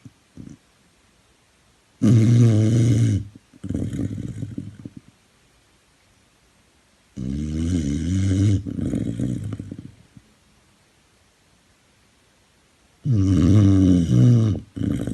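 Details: Rescue dog at a rehoming centre asleep: deep, rumbling snores with softer snorts after them, about one every five seconds; snoring.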